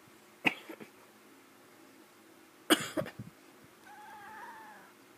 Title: My cat & coughing 2